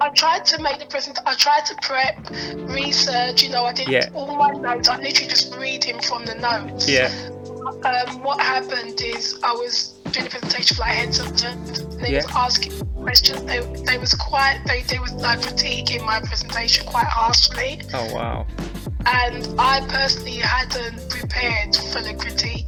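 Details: Adult woman who stammers, real, in a podcast interview; she also reports a vocal cord condition that sometimes stops her producing any sound and considers her stammer not that bad: stuttering.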